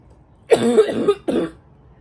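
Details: A person who has been more congested lately, hoping the allergies clear up, gives harsh coughs; congested barking cough.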